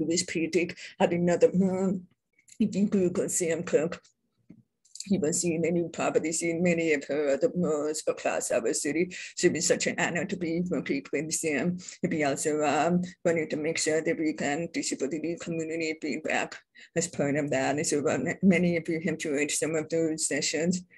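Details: Woman born deaf, now using bilateral cochlear implants, who describes her own deaf accent; deaf speech (hearing-impaired speech).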